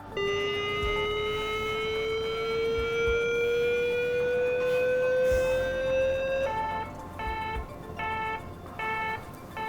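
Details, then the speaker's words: Mindray BeneHeart D6 defibrillator during a user self-test, charge button pressed on the paddles: a steadily rising electronic charging tone followed by rapid repeating ready beeps. "Він просить натиснути кнопку заряду на електродах"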